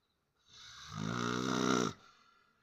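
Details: A single drawn-out buzzing snore lasting about one and a half seconds, building in loudness before stopping.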